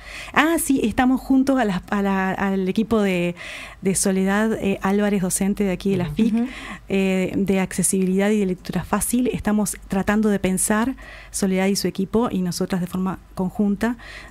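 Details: Adult woman speaking Spanish; typical speech.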